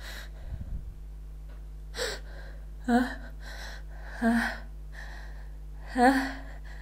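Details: Person trying to stifle sneezes: a series of short voiced gasping inhalations, about four in six seconds, over steady background hum; pre-sneeze gasps.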